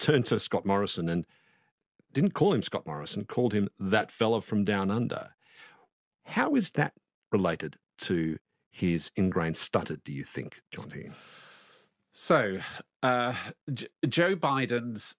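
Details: Adult interviewer; no speech disorder.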